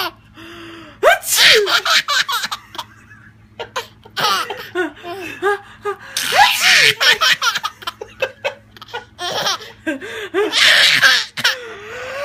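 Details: Adult woman gives sharp sneezes, each followed by a baby boy's giggling laughter in a quiet room.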